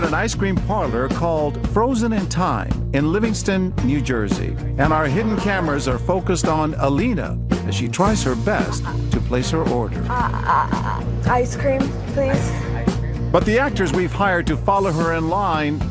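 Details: Adult male narrator; no speech disorder.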